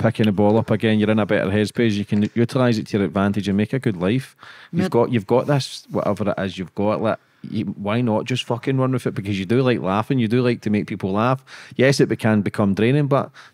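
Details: Adult man speaking; normal speech.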